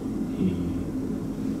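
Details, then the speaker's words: Egophony test: a patient quietly says "e" while heard through a stethoscope on the chest, giving a muffled, low humming voice. Over consolidated lung "e" can sound like "a". "When the patient says an e through a consolidated lung, that can change and sound like an a. So, if you just quietly say e for me."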